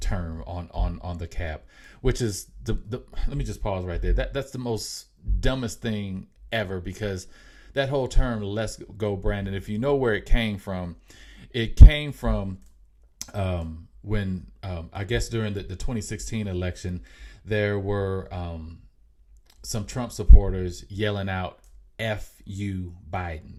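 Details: Adult man with self-reported mild real stuttering; stuttering.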